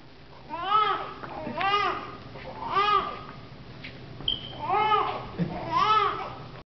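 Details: An infant gives five short, rising-and-falling fussy cries in a quiet small room.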